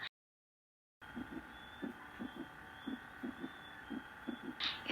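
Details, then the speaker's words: Third heart sound (S3 gallop) on cardiac auscultation: soft low thudding heartbeat about 57 a minute with a faint extra low-pitched sound giving a three-beat gallop. "En este podemos encontrar 4 tipos. Primero, tercer ruido cardíaco."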